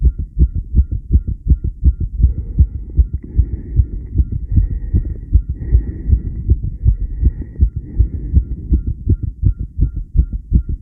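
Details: Tachycardia, a fast heart rate: rapid, steady heartbeat thumps with a faint background hum.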